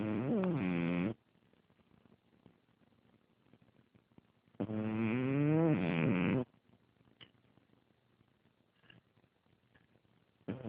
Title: Chewy Snoring